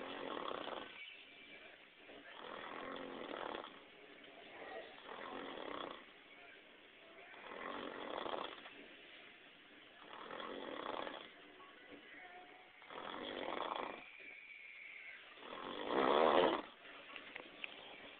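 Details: Adult man asleep after getting drunk and passing out early: regular rough, fluttering breaths about every two and a half seconds, with one louder snort near the end; loud snoring.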